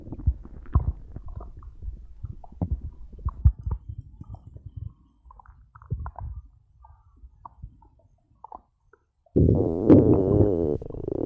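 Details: Stomach growling (bowel sounds) after drinking cola, recorded for ASMR: irregular low gurgles and bubbling rumbles, then a louder drawn-out growl near the end.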